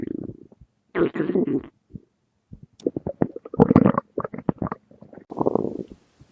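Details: Hungry male (Tex) stomach growling: borborygmi.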